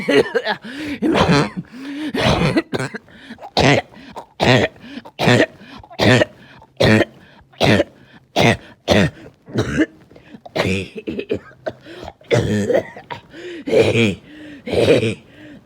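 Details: Evening coughing fit: clusters of repeated harsh coughs and throat clearing, roughly twenty over fifteen seconds, coming on suddenly with difficulty breathing after oxygen levels had been good all day.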